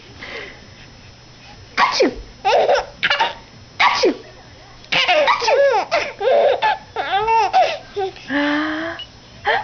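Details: Adult fake-sneezes several times with abrupt bursts, each followed by a baby's hearty laughter; repeated sneezing.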